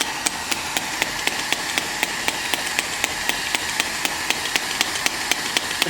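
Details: SW18 electric radial shockwave handpiece firing over gel during a shoulder treatment: sharp, steady clicking taps, about four a second, over a hiss.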